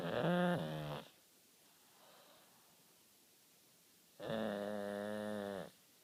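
Two long, loud, buzzing snores about four seconds apart with quiet breathing between: snoring during sleep.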